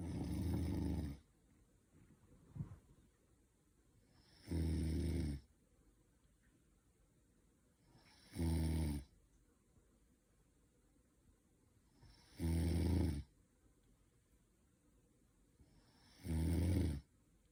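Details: Sleeping person snoring: five loud, low, rattling snores at regular intervals, about 15 breaths a minute, with quiet between them.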